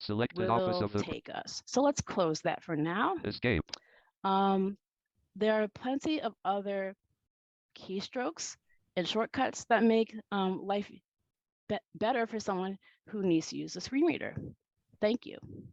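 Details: Adult woman who says she stutters and that it is heard throughout her talk; stuttering.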